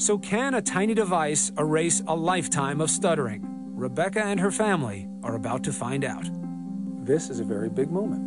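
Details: Adult narrator; normal fluent speech.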